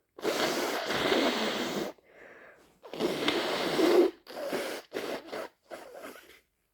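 Loud, wet, explosive bursts of breath followed by shorter sniffing and blowing noises. Repeated sneezes with nasal congestion from a cold.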